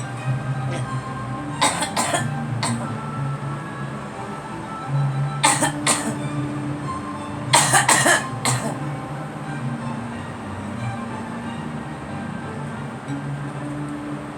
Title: Girl coughing